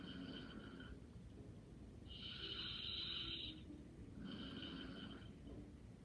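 Soft, airy, slightly whistling snores with each breath, quiet light snoring over faint room noise.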